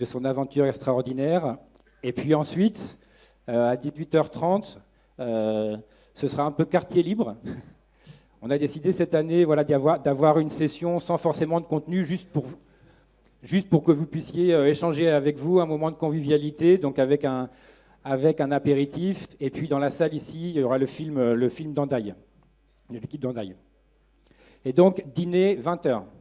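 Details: Adult male speaker; typical speech.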